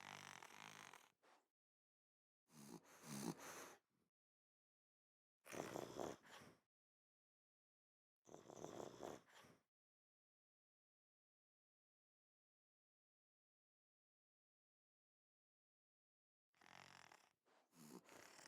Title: Cute sleeping foxes snoring